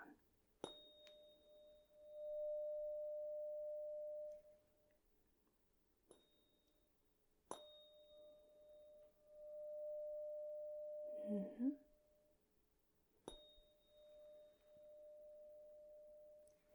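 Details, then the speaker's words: Simulated ASMR exam roleplay of a hearing test: a tuning fork is held to either ear so the listener can say which side they hear it. It is struck several times, each a pure, steady, slowly fading tone. "I just want you to tell me which side you hear the tuning fork on close your eyes let me know what side you hear it"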